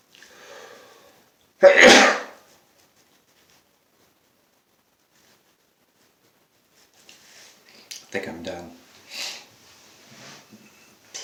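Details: One loud explosive sneeze, then faint breaths and quiet talk, from a man sneezing all day with a headache; he blames allergies, though the weather is chilly, and he tries drinking water to help.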